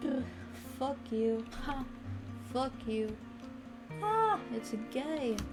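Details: Teenage girl diagnosed with Tourette syndrome, with vocal and motor tics since young childhood that worsened at 15; vocal tics include cursing and offensive words, and spontaneous vocal tics occur during speech; vocal tics (Tourette syndrome).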